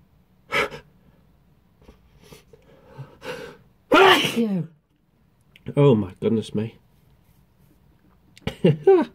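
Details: Sneezing triggered by pepper dust: a few faint breaths and catches build to a loud sneeze, then short voiced sounds and another sneeze.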